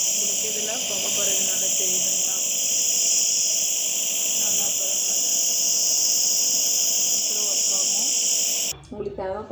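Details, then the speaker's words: Apollo-brand home compressor nebulizer, used over two years, switched on by its side switch for a demonstration: steady loud hissing motor hum with a voice talking over it, then switched off near the end. "On பண்ணதுக்கு அப்புறம் சைடுல ஸ்விட்ச் இருக்கும் அதை on பண்ணுங்க sound கேக்குது"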